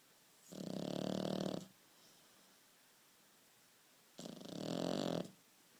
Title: Amazing dog snoring